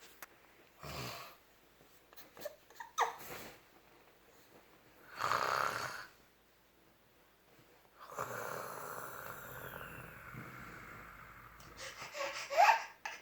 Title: Stop snoring daddy 🤣🤣